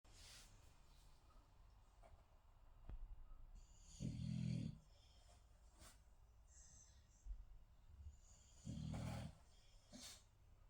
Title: Zeus snoring